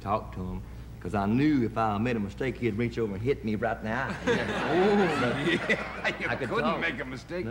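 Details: Adult male singer with a known stutter/stammer, speaking in a television talk-show interview. Stuttering.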